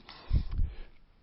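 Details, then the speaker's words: Vocal imitation of heart sounds in a 21-year-old woman with exertional dyspnea, fatigue and lifelong exercise intolerance: the second heart sound is widely split into two close thumps, fixed without respiratory variation. A left lower sternal border murmur is also described. "in the condition we're talking about here there's a wide splitting of the second heart sound that stays"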